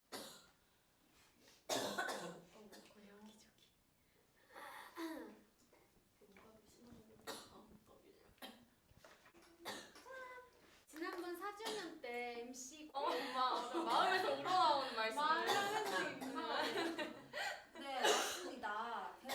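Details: An adult woman gives a series of short, sharp coughs and throat clears mixed with brief voiced sounds.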